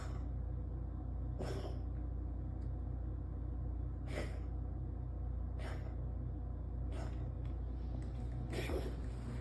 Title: #Cat #hacking #coughing #hairball